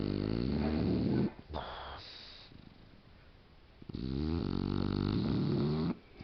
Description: Our Boxer (she's a mini) snoring and making snuffling noises as she sleeps and dreams